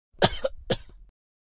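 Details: Two short sharp throaty coughs in quick succession from an adult, quiet background; a plain cough.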